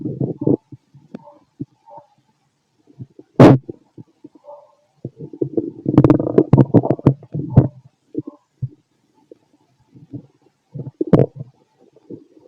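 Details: Stethoscope auscultation of a fit adult male's abdomen: irregular gurgling and rumbling with intermittent squeaks and pops; active bowel sounds, stomach growling.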